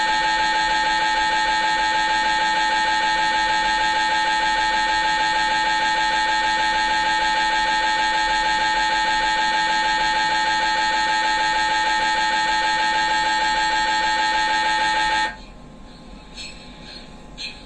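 Loud, steady, rapidly pulsing electronic buzz that stops abruptly; the normal knocking drone of an MRI scanner during a scan.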